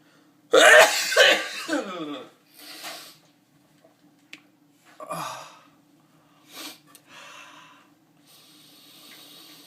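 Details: Self-induced sneeze: a loud forceful burst with a sharp intake and explosive release, then quieter sniffs and breaths; sneeze.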